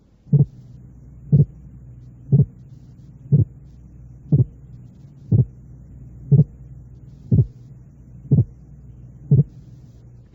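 Simulated heart sounds, regular thumps at about 60 a minute, each a pair of components eight hundredths of a second apart: a widely split sound.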